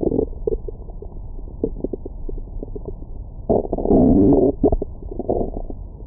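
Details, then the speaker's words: Bowel sounds after a large meal, recorded over the belly with a Stemoscope stethoscope microphone: gurgling, rumbling stomach growling with occasional squeaky tones; borborygmi. "뱃속 안에는 다양한 생물들이 살고 있어요. 안에 뭔가 화가 잔뜩 나신 아주머니도 계시는 것 같고 막 한 번씩 아 이런 느낌의 사운드도 들어보실 수 있습니다."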